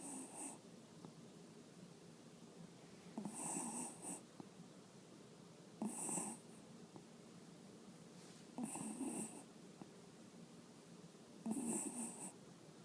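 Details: Small sleeping animal: five soft, regular snores about every 2.8 seconds, roughly 21 breaths a minute; ordinary snoring.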